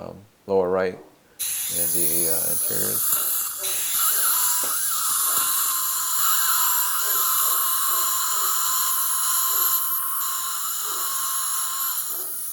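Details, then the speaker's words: Brief voice, then a steady high hiss and whine from an ultrasonic dental scaler running with suction using a Mirro-Vac suction mirror, whose face holes reportedly don't suction well. "so even though the mirror vac does have uh holes on the face on the face of the mirror it doesn't really suction that well there because i think part of it is the design itself of the mirror"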